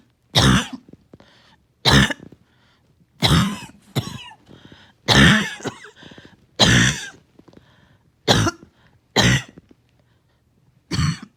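Repeated harsh coughing bouts, about nine bursts over eleven seconds, with strained breathing between them; a coughing fit.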